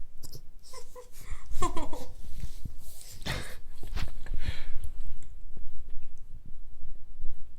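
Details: Newfoundland puppy, unsure how to deal with its hiccups: short, sharp, repeated hiccup jerks with soft whines and breaths in a quiet room; hiccups.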